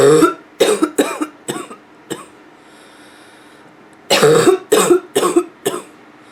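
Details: Female with nonstop barking cough: two bursts of four or five harsh, hollow, barking coughs separated by a pause, with background hum; some throat clearing occurs toward the end of the recording.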